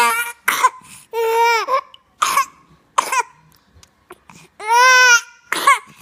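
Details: A child gives about five short, harsh coughs, with drawn-out voiced, tonal sounds between some of them. Cough.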